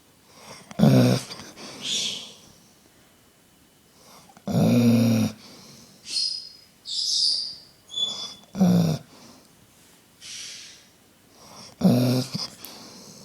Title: Snoring Dobermann plus Senegal Parrot 20.10.11